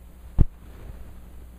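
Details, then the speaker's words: Two dull low thumps imitating normal first and second heart sounds (S1, S2), demonstrated as a "one-two" rhythm for learning heart auscultation, over faint room hum. "now when you have your stethoscope you can actually hear this iside your ears it's like a little small SLE sound one two one two one two one two one two one two"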